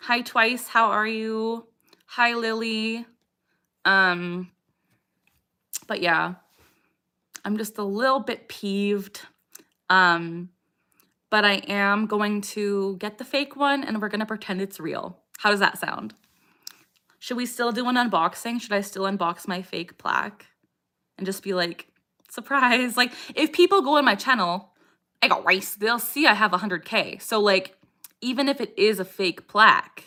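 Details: 27-year-old woman with Tourette syndrome, diagnosed at age 12, has a repeated vocal tic phrase "I got rice" during a livestream; vocal tic.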